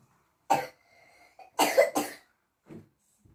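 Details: cough Three sharp coughs, the last two in quick succession, then a faint fourth: a child's horrible cough that keeps waking the children in the middle of the night.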